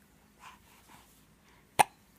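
A single sharp, abrupt hiccup-like click after faint quiet sounds in a quiet room.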